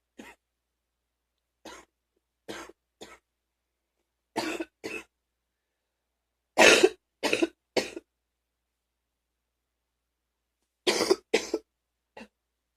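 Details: Morning phlegmy cough, a recurring episode: eleven short, harsh, throat-clearing coughs in small clusters separated by quiet pauses, with near-choking; a productive (wet) cough.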